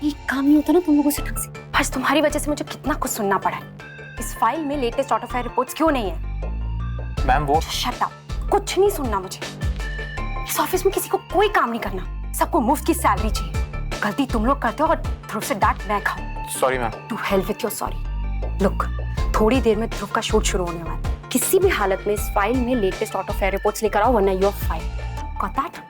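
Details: Adult woman, acted TV drama scene; normal speech.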